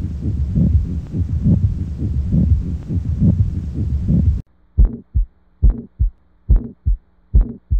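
Coarse scratchy grating sound riding on a heartbeat of about 70 a minute, a pericardial friction rub.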